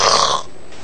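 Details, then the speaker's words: Imitated snoring: a single brief, rough throaty burst demonstrating a snore, in a discussion of whether breathing pauses or stops during snoring; quiet room noise follows. "tapi yang penting buat kami adalah ada gangguan nafasnya atau tidak ada henti nafasnya atau tidak jadi saya contohkan aja ya jadi orang ngorok kan"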